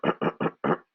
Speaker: right they have to force because those cilia are not there they're trying to get all the tar and all the the debris and all the carcinogens up and out of the lungs